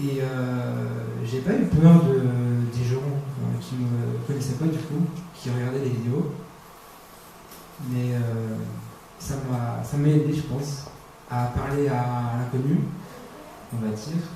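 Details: Stuttering in a 22-year-old man who has stuttered since about age 5, roughly 17 years.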